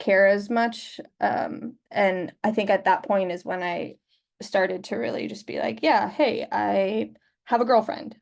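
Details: Adult man who identifies as a person who stutters and is open about his stutter at work; stuttering.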